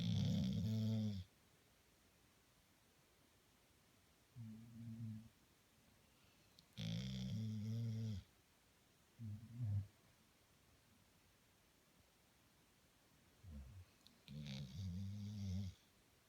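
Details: Low, rumbling snores in separate bursts with quiet pauses between them, in a quiet room.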